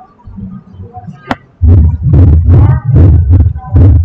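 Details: Normal heart sounds heard by stethoscope during a cardiology teaching session on stenosis and regurgitation, played for comparison before murmurs.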